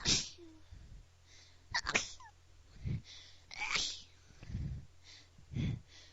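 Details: Five or six small, soft, high-pitched bunny-like sneezes in quick succession, with faint breaths between and low room hum; sneezing.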